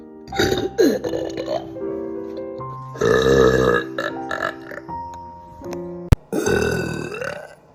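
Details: A compilation of repeated loud, drawn-out burps over background music; ordinary belching.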